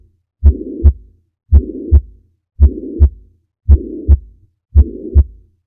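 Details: A sound-enhanced teaching recording with a regular heartbeat near 56 a minute and a steady blowing murmur filling the gap between the first and second heart sounds; mitral regurgitation murmur.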